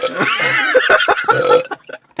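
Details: Loud, drawn-out, gurgling belch of almost two seconds from a man deliberately burping in a car with friends amid laughter: burping.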